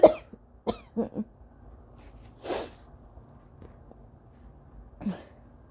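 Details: Early-morning (almost 5 AM) allergy coughing in an adult: several short, dry coughs in quick succession plus a noisy nasal exhale.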